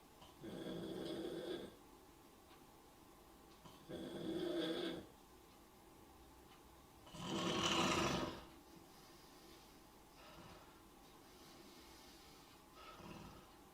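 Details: Snoring of someone lying asleep during a livestream: rough, rattling snores repeating slowly, about four, with quiet gaps between them in a small room.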